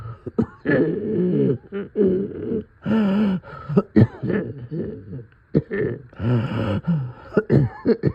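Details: Middle-of-night coughing with deep chest congestion: repeated deep, rattly coughs with groaning effort between bursts; wet, congested cough.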